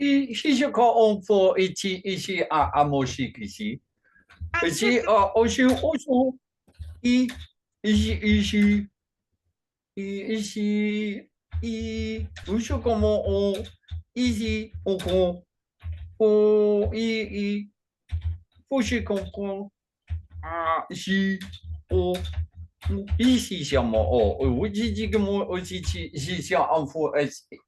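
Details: Adult male with functional neurological disorder and foreign accent syndrome, during a bout of gibberish speech; the accent has changed between types (today described as Chinese) since onset around 2019 alongside non-epileptic seizures, and is more jumbled with strong emotions.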